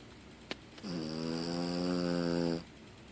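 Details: Yorkie snoring while asleep: a single drawn-out, droning snore with a faint whistle over it.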